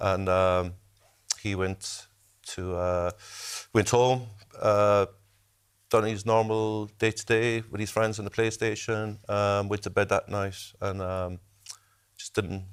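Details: Adult man speaking; ordinary speech.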